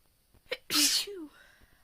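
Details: One sharp, forceful sneeze after a short in-breath, then a brief voiced trailing sound; deliberately induced sneezing.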